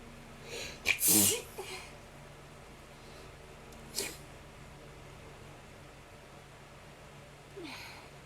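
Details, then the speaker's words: A person with a sneezing attack, sneezing non-stop: an in-breath, then a strong explosive sneeze, followed by smaller sneezy bursts and breaths in a quiet room. "I can't stop sneezing. Bless me. Oh my God. Oh Lord."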